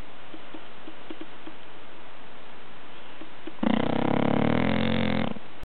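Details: A person snoring: a quiet, steady hiss gives way to a loud, buzzing snore on a breath near the end.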